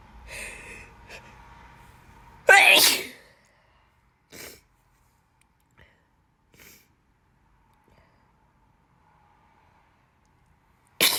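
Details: Person with bad allergies gives one loud, forceful sneeze, then a few quieter sniffs and breaths and the start of another sneeze. Repeated sneezing.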